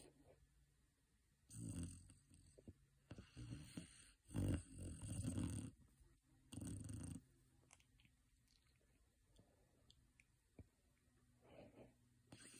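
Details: Female Saint Bernard puppy napping, snoring gently: soft, low rattling snores in irregular bursts with quiet gaps between them.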